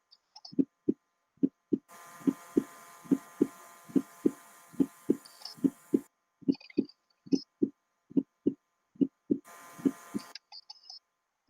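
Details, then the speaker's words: Fourth heart sound (S4 gallop) from a stiff, non-compliant ventricle as the atria force blood in: regular heartbeat about 70 a minute with an extra soft low sound just before the first heart sound. "the atria is trying to force blood in and this is causing a turbulent flow and what it sounds like listen and see if you can distinguish that fourth heart sound just before the first"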